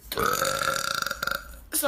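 A long, loud, tonal belch lasting over a second, breaking into a rattling tail before a brief breath.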